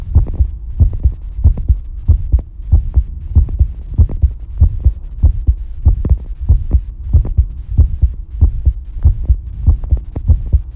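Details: Steady, regular low thumping heartbeat at about 95 beats a minute with faint background hum, recorded while bathing; normal heart sounds.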